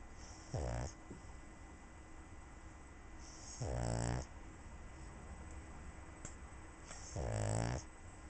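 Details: Three loud, low, rattling snores at about 18 breaths a minute from a pug sleeping with a cat, quiet room hiss between.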